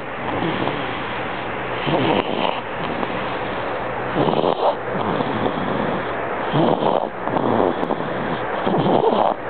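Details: 2-month-old boy with laryngomalacia, tracheomalacia and chronic bronchitis: noisy, rasping stridorous breaths recurring about 27 times a minute.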